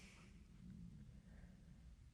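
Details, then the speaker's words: Low, continuous gurgling rumble from an adult's stomach, picked up by a podcast microphone; normal stomach rumbling (borborygmi). "Tummy rumbling. My stomach is rumbling. Did you hear that in the mic? That was crazy."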